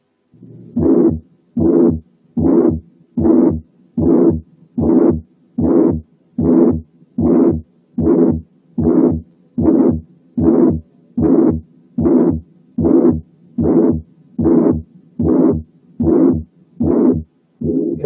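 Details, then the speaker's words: Apical (mitral area) systolic murmur heard with the stethoscope on the apex: regular heartbeat around 75 a minute with a loud blowing murmur filling each systole. "حطينا سماعة على الابكس وسمعنا السيستوليك ميرمر زي"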